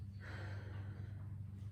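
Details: An adult takes deep breaths during a respiratory exam, with the stethoscope moving down and across the upper chest below the clavicle, listening for bronchovesicular sounds. Finding: deep breathing.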